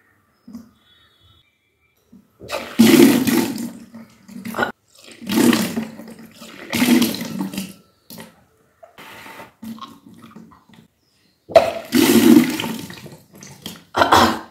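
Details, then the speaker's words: Kunjal kriya yogic cleansing: after drinking about 2 litres of water at once, vomiting is self-induced with the middle finger, giving repeated gagging and several forceful gushes of water being brought up. "2 litre पानी पीते देख और middle finger की मदद से बस उल्टी करते जो पानी हम लोग पीते हैं वो पानी हम लोग बस उल्टी करके निकल देते हैं"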